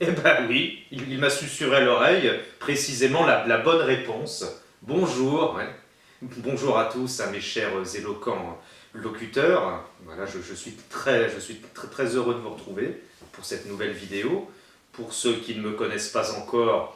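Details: Stuttering in a French-speaking man who attended a stuttering therapy course in Dijon in 2005, about fifteen years earlier, and still uses some of its techniques; stuttering.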